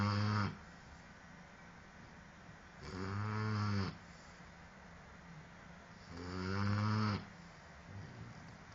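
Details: Dogue de Bordeaux puppy snoring while asleep: steady, low, buzzing snores about 18 breaths a minute, each about a second long, quiet between.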